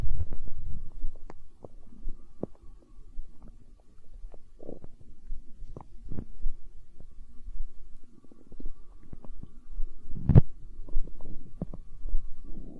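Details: Stomach growling in hunger, tagged as empty-stomach sounds in an ASMR recording: low gurgling and bubbling rumbles with scattered pops throughout, ordinary borborygmi from gut movement.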